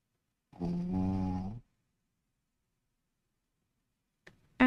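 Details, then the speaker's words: Dog Charlie snoring, picked up by a microphone during a live stream: one low, rough, buzzing snore of about a second, then quiet; ordinary dog snoring. "can you hear Charlie snoring [Music] looks like the mic is picking up on it um"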